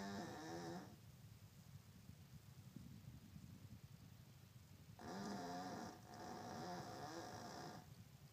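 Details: Yorkie napping: rough, rattling snores, one short then a longer one split by a brief pause, with quiet breathing between; snoring.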